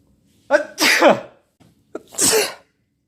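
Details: Adult man (boyfriend) sneezing after taking sneeze-inducing chhinkni for the first time: two sharp, voiced sneezes, each led in by a quick gasp, in a quiet room.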